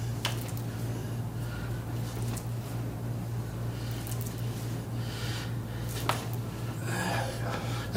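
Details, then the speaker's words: Adult with cerebral palsy during chiropractic manipulation likely of legs/hip: a brief sharp pop over steady hum and music, a joint cavitation the patient felt pop all the way down. "if I didn't know any better I think I could walk right now oh my Lord that like popped all the way down"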